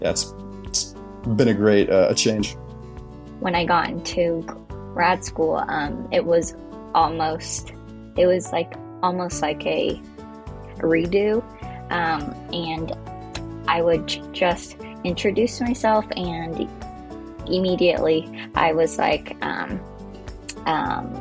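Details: Adult woman who stutters, speaking after effective stuttering therapy with a speech-language pathologist; she says some words are hard for her because of her stutter; stuttering.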